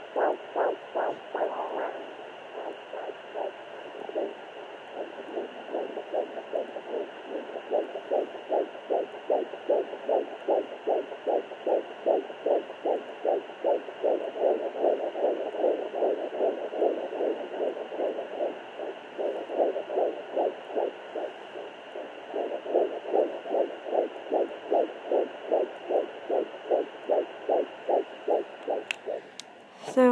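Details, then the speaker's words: Fetal heartbeat at 12–13 weeks of pregnancy on a home heart Doppler, mother lying slightly propped up: rapid, regular whooshing pulses, about 150 a minute, described as a little slow because the baby is not moving. "there is the baby's heartbeat and it's a little sow right now because the baby's not moving around"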